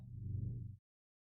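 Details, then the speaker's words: Adult clearing phlegm stuck in the throat, not a tic: a single low, rumbling throat-clearing sound lasting under a second. "That's not a Tourette or a tick or anything like that. It's just me trying to clear my throat."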